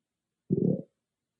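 A low, bubbling gurgle lasting under half a second: ordinary stomach growling from gas and fluid moving through the gut.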